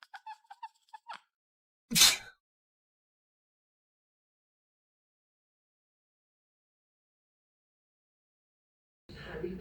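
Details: Cat: a burst of quick chirps, then one sharp, hissing sneeze, then silence; a single sneeze.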